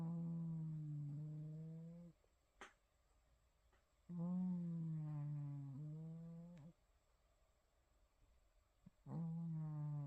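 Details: Sleeping cat snoring with soft, buzzy, tonal snores on each breath, slow and even at about twelve breaths a minute in a quiet room: harmless snoring.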